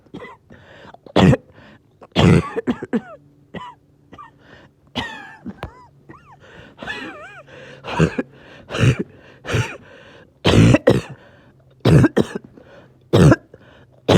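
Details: Evening coughing fit in an adult that came on suddenly with difficulty breathing after oxygen levels were good all day: repeated harsh coughs with throat clearing and strained, groaning breaths between them, about 45 a minute.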